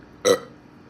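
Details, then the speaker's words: A single short, loud, throaty burp rising and fading within half a second, after drinking fizzy Sunkist soda; burping. "that was probably like number two that was number 10 that was sucky but um y'all rate the burps through 1 through"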